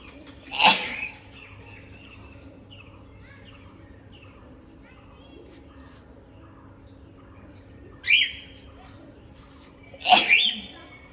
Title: Sneezing And Nose Blowing Challenge Part 14😂😂😂